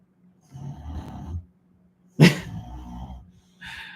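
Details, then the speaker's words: Pet dog sleeping nearby, possibly dreaming: loud, rumbling snores, three coarse bursts separated by brief pauses. "She's snoring so loud, it's funny."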